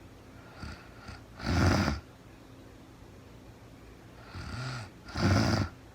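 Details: Real-time recording of a sleeping woman who was very tired: two loud rattling inspiratory snores, each preceded by a softer breath, over steady room hiss; snoring.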